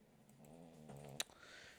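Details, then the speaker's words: Snoring heard in the background while someone is talking; the clip does not say who or what is snoring. "Oh yeah, that's snoring. So if you hear that, that's her."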